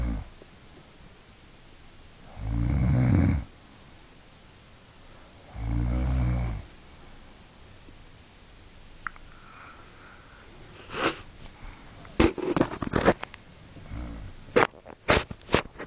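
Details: Elderly woman (grandmother) snoring in bed: two loud, low, rattling breaths about three seconds apart, then scattered clicks and rustling; snoring.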